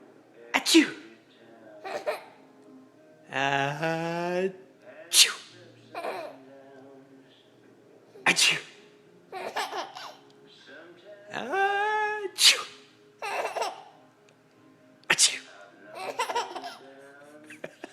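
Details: About five sharp, explosive sneezes, each followed by a little boy's giggles and squeals as he laughs at them, with faint background music; sneezing.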